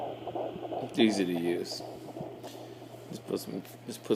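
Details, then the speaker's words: Fetal heartbeat heard on an at-home Doppler at 13 weeks of pregnancy: rapid, soft whooshing pulses around 145 per minute, higher than 130, within the normal range. "show the Doppler that's the baby's heartbeat it's not 130 is higher yeah"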